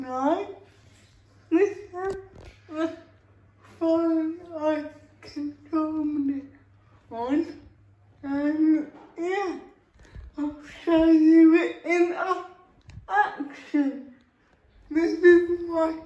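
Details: Real female adult with cerebral palsy, feeding herself with a Neater Eater feeding device for the first time without help; a speech disorder is inferred, not stated: dysarthria (cerebral palsy).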